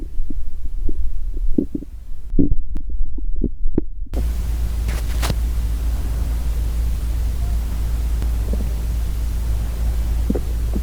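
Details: Real hunger stomach growling from a girl, recorded without talking: irregular low gurgles and rumbles over a steady background hum, fading to occasional faint gurgles; normal borborygmi.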